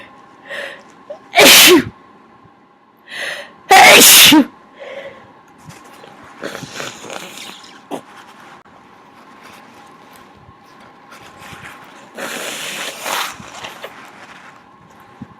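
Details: Person who says they are now sick: two loud sneezes, each after a quick in-breath, then softer nose blowing and sniffing, with smaller sneezes.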